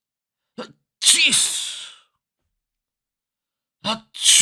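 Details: Recorded sound-effect clip of a person sneezing: a short intake followed by a sharp hissing sneeze burst, then another breath as a second sneeze starts; ordinary sneezing, from a compilation of varied sneeze styles.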